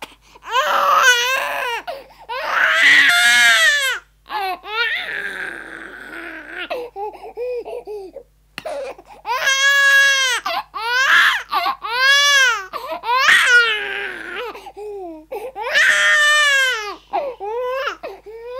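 Intense, high-pitched infant crying in repeated wailing bursts separated by brief gasping pauses; a sound effect recording.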